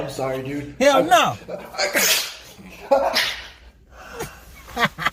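A loud, burst-like sneeze mixed in with exaggerated voices in an acted comedy skit.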